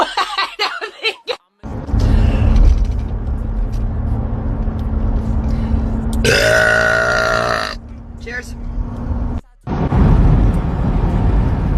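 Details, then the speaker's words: Woman burping after saying she is so full: several loud, long, low belches with croaky voicing, one rising in pitch, over a steady background hum. "Cheers Cheers Cheers cheers so full that was actually a pretty good one"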